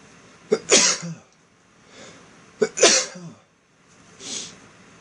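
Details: A man sneezing, sneezes induced with floss: two forceful sneezes, each a sharp intake then an explosive hissing burst, followed by softer sniffs or breaths.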